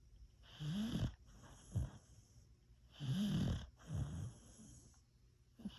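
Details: Banchee, a Beagle, snoring while lying against the owner: steady rumbling, snorting breaths about 24 times a minute.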